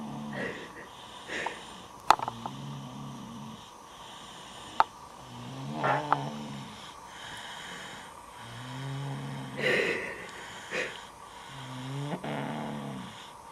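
Repeated low, rough, fluttering breaths every few seconds, about 5 in 13 seconds, with a few soft snorts in a quiet room: snoring.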